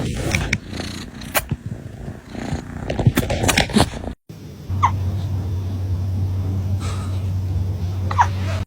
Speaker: Sound on for kitten hiccups. Look at me. You have the hiccups.